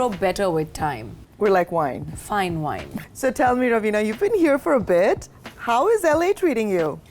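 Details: Adult woman speaking; Normal speech.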